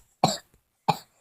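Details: Two short, sharp cough bursts about half a second apart in a quiet room, coughing after singing.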